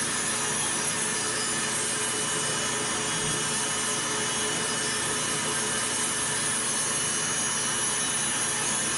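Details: Routine preventive podiatry care: steady high-pitched grinding of a rotary nail drill reducing average, not thick, toenails on the first foot, with faint background music.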